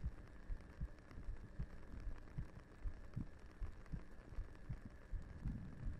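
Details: Soft, regular low thumps at about 78 a minute under a faint hum, a steady heartbeat played in a 3Dio binaural ASMR roleplay as the character rests her head on the listener's lap to sleep.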